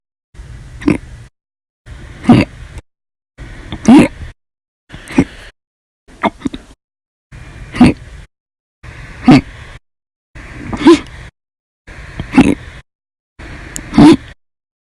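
Repeated short, abrupt vocal bursts about every 1.5 seconds, roughly 38 a minute, consistent with persistent hiccups.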